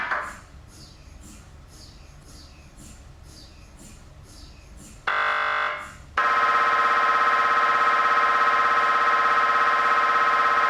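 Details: Philips Achieva 3T MRI scanner: rapid rhythmic knocking, then a loud buzzing tone and a steady harsh electronic drone; typical MRI scanning sequence noise.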